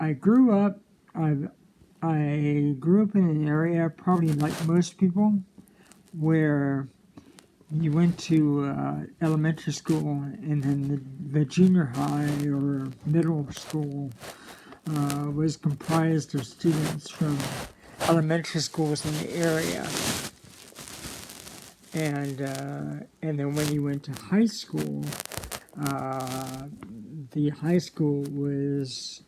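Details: Stuttering with hesitations and repetitions in an adult man speaking casually.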